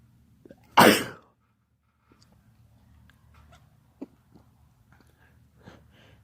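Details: One loud, explosive sneeze followed by quiet room noise with a few faint small sounds, recorded from a person with allergies who sneezes frequently; allergy sneeze.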